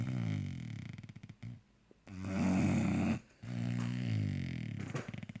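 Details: Sleeping bulldog: loud, rattling, low snores with a pause between breaths, ordinary noisy sleep breathing; snoring loud enough to keep someone awake.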